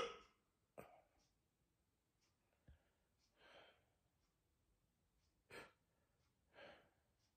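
Quiet room with several short, sharp catches a few seconds apart, each followed by a soft breath; repeated hiccups.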